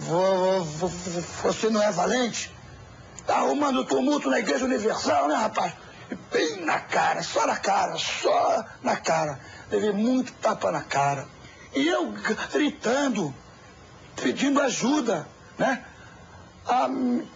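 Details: Adult man who sought a cure for his stutter at a church and still stutters; sound and word repetitions; stuttering.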